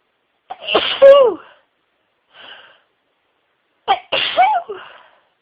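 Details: Huge sneezing fit of over 60 sneezes: two forceful sneezes, each with a quick in-breath and explosive burst, a soft sniff between them.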